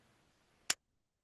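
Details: Single sharp click of a spring-loaded lancet, set to depth 3–4, firing into the side of a fingertip for a capillary blood glucose test in a teaching demonstration.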